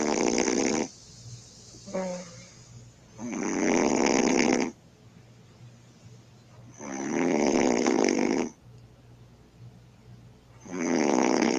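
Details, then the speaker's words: A woman's loud, harsh, drawn-out snores about every three to four seconds, roughly 17 a minute, recorded by her boyfriend while she sleeps; heavy snoring. "he says my girlfriend's snoring like a beast let's see"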